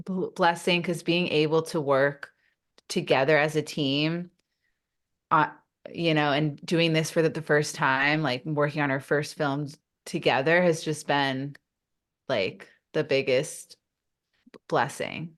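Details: Adult woman who stutters, a stuttering-awareness advocate, speaking in a real podcast interview; stuttering.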